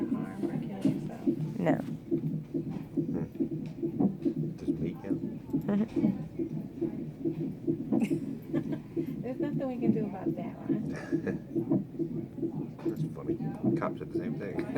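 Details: Fetal heartbeat on a monitor, rapid rhythmic whooshing pulses at about 140 a minute over background talk; baby having hiccups during monitoring.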